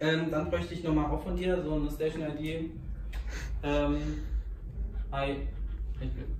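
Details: Adult man speaking German; no disorder.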